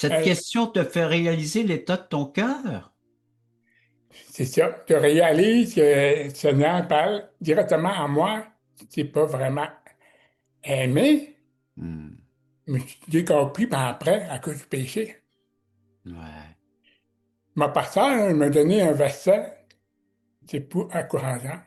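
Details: Adult man with severe-to-profound deafness who learned oral speech, speaking French; deaf speech.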